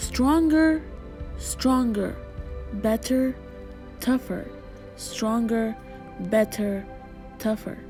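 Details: Broca's (non-fluent) aphasia in an adult female after a gunshot wound to the head in January 2011, with the bullet passing through the left side of her brain.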